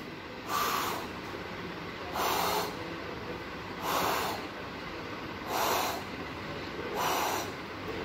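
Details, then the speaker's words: Imitated, not real: five even, blowing hiss bursts filling all of systole, engulfing S1 and S2, at the apex with diaphragm on a dummy patient, radiating to the axilla: pansystolic murmur of mitral regurgitation. "The murmur is completely engulfing the first heart sound and the second heart sound, so it is a pansystolic murmur."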